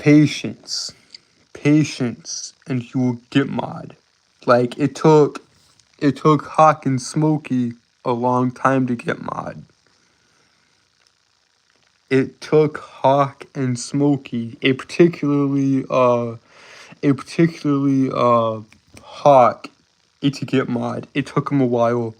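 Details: Stuttering with word and phrase repetitions; male speaker reports a speech impediment causing him to stutter and trip over his words.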